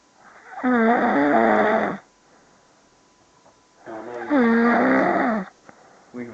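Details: Male snoring: loud, droning, voice-like snores over a second each, about three seconds apart, with quiet gaps.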